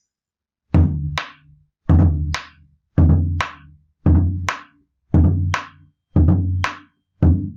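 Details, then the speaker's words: Simulated split first heart sound imitated on regional musical instruments, about 56 cycles a minute, the two S1 components very close together; split S1. "Ahí se me fue. Ahí. Ese sería un desdoblamiento del primer ruido cardíaco."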